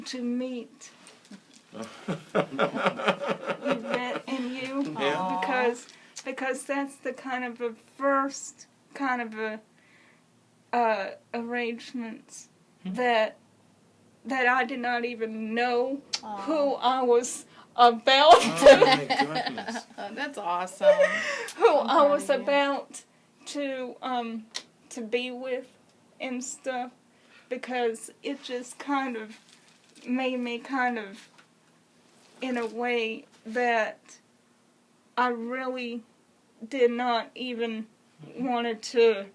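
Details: Woman with congenital cerebral palsy who has used a wheelchair since early childhood; dysarthria (cerebral palsy).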